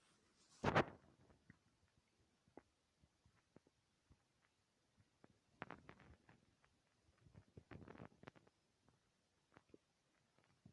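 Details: Loud stomach growls: scattered gurgles, clicks and a few longer low rumbles in a quiet room; normal borborygmi from gut movement.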